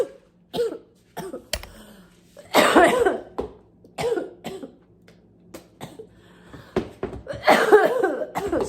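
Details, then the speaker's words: Wet, congested cough: about ten loose, phlegmy productive coughs and throat clearing from an adult ill with a bad head cold whose congestion is draining, coughing up mucus. "As you hear, I'm like still coughing [ __ ] up. So some congestion."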